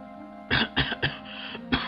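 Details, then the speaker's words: Adult during a gaming session gives about four short, sharp coughs in a quick run over steady background music; a plain cough. "death oh God sorry if I you heard that cough I really don't want you to hear it"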